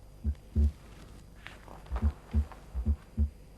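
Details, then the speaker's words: Low heart sounds on stethoscope during a cardiac exam demonstration, with some beats showing a doubled second sound whose parts are equally loud and closely spaced: a split S2, described as typical of atrial septal defect or of young people. "dua yang terpecah sama keras dan mempunyai jarak yang tidak begitu jauh biasanya didapatkan pada pasien-pasien dengan ASD arterial septum defect"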